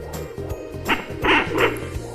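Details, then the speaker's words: Fetal movement on a home fetal Doppler (Sonoline B) during pregnancy, while the heart rate is being measured: low steady hum with loud scratchy bursts as the baby kicks. "as you can see we've got the baby's heart rate it's currently determining how fast the baby's heart is going and any feedback that you hear is the baby kicking"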